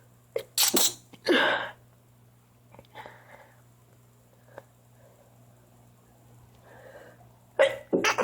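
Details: Person who can't stop sneezing, cause unknown; a quick series of loud sneezes, a pause, then two more sneezes; repeated sneezing.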